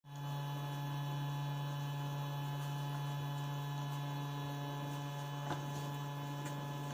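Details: A nebulizer with a mouthpiece running.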